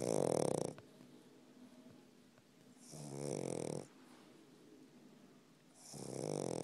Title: Doug the Pug snoring